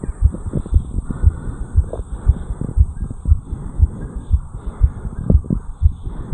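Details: 34-year-old male after jogging up a flight of stairs, recorded at the mitral area: strong, regular heartbeat about 118 beats per minute; sinus tachycardia, normal response to exercise.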